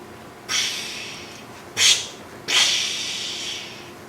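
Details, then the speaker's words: Venous reflux on Doppler in venous disease: after compression blood goes up, then flows back the opposite way; a brief whooshing surge followed by a long, fading rush, consistent with great saphenous vein reflux. "You pressed it, blood goes up, and then it comes back on the opposite direction. And you can see it. This is all reflux. And you can hear it."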